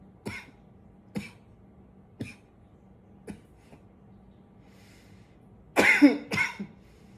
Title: 9 - coughing a bit